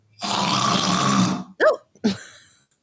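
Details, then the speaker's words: Sleep specialist imitating snoring while explaining throat muscles relaxing during sleep and obstructive sleep apnea: one long, rough, rattling inhaled sound, then brief throaty sounds; simulated snoring. "that's how snoring happens and so that is something that's not normal because in obstructive sleep apnea what happens it relaxes even more and all of a sudden air closes"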